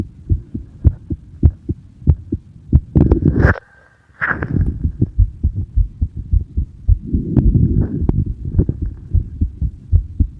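Regular low thumping beats, about 80 a minute, with some rubbing noise and a brief gap; an ordinary heartbeat.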